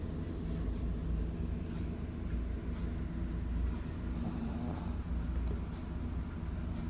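Steady low rumbling snore from a small dog, continuous through the clip with a faint whistle midway; ordinary dog snoring.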